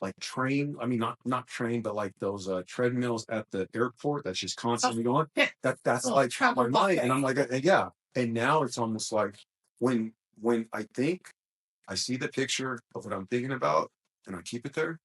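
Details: Male speaker with a self-described small speech impediment, a stutter, which he links to his mind always moving fast since childhood; stuttering.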